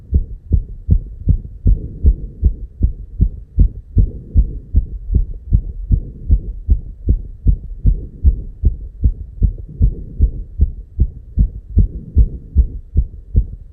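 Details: Heartbeat labelled 290 BPM, real heart sound: very fast, regular, paired thumps without pause between beats; tachycardia.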